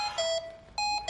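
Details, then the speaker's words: Repeated bright electronic alarm bursts from a Hamilton T1 ventilator in PCV+ mode during service testing, demonstration lung squeezed hard during inspiration, pressure limit 15 cmH2O above peak; high pressure alarm. "Verify that the high pressure alarm is activated, the ventilator cycles into exhalation, and pressure falls to the PEEP CPAP level."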